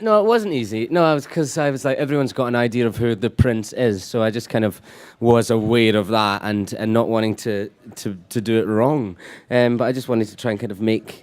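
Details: Adult man speaking; ordinary speech.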